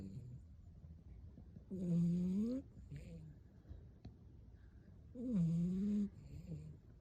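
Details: Two loud, buzzing snores on the in-breath with softer breaths between, about 17 breaths a minute, from a sleeping dog.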